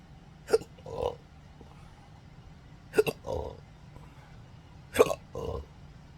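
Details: Three sharp hiccups about every two seconds, each followed by a short throaty belch, in an adult with hiccups since December 2015 after surgery causing nerve damage (pudendal, phrenic, vagus); intractable hiccups with belching.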